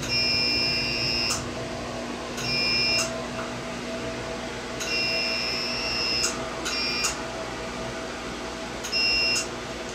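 Repeated high beeping tones in bursts over a steady machine hum, from a CO2 fractional laser firing during an acne scar treatment.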